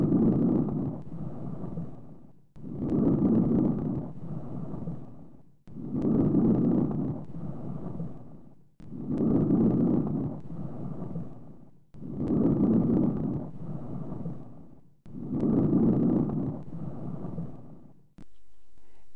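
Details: Teaching recording of soft, low-pitched rustling breaths, inspiration longer than expiration with no gap between them: normal vesicular breath sounds.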